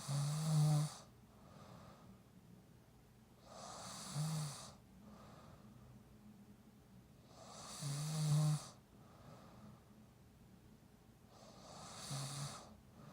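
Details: Snoring woman: loud, rattling snores on each breath in, roughly every four seconds, about 15 a minute, with quieter breaths out between; ordinary snoring.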